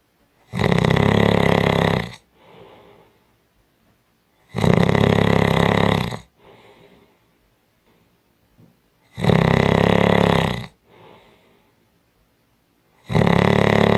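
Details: Strong snoring: loud, rough snores about every four seconds, each followed by a quieter breath out; heavy snoring.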